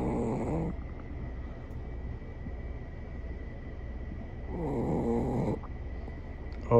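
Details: Loud, deep, rumbling snores from a sleeping King Charles Spaniel dog, two long rattling breaths with a quieter pause between; very loud dog snoring.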